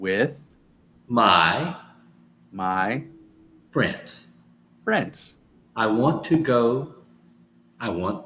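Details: Adult male stroke survivor with aphasia caused by stroke, still recovering, practising phrases from sticky notes as part of home therapy; aphasia.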